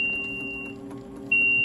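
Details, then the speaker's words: Steady high-pitched electronic alarm tone that breaks off briefly and then resumes, from an NxStage dialysis cycler during its setup alarm test, displaying 888 before being muted. "alarming with 888 now we have to do a mute okay press mute and then it will display ABCD and mute again"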